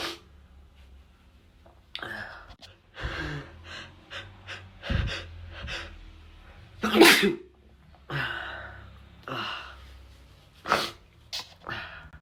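Stuttering, gasping breaths build to one forceful explosive sneeze, then a few smaller sneezes follow.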